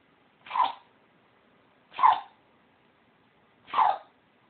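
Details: Dog sneezing fit: three short, sharp nasal sneezes about a second and a half apart in a quiet room.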